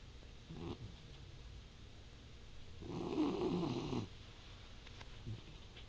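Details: A person snoring in their sleep: one rough, fluttering snore-like breath stands out over steady background hiss, with fainter noisy breaths around it.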